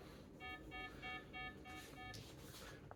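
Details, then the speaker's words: Pulse oximeter low-saturation alarm: repeated electronic beeps as SpO2 falls to 88, 87, 86% in a female patient with 22q11.2 deletion syndrome during seizure/dystonia episode with bradycardia and dyspnoea. "Alerts are going off for oxygen. That's at 88 87 [Music] 86%."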